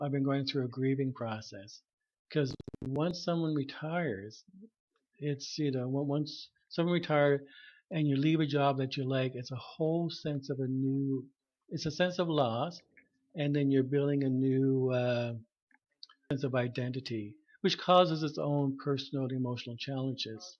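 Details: Adult man who stutters, formerly severe, who has not been using his speech targets since retiring, speaking in conversation; stuttering.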